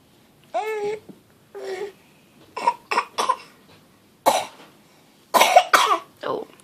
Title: Fake Coughing